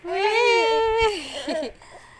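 A brief, high-pitched wailing cry from an infant that falls in pitch and trails off into a whimper.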